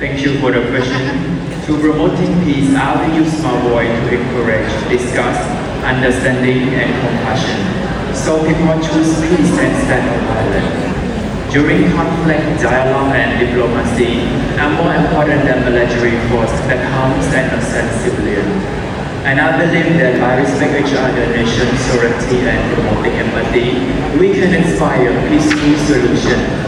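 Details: Adult speaker over a hall sound system; Normal speech.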